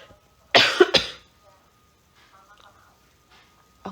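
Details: Ill adult host of a live stream, with viewers wishing a quick recovery and the host reluctant to see a doctor: two quick harsh cough bursts, then quiet. Cough.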